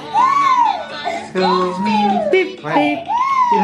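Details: Infant crying after her 9-month vaccination at hospital: loud, rhythmic crying in long wails with short breaths between, later settling and smiling.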